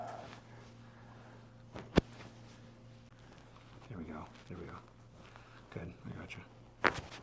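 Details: Two sharp cracks a few seconds apart amid quiet voices in a small room during a chiropractic spinal adjustment of a woman with shoulder and neck pain, felt down her spine into the lower back; joint cavitation.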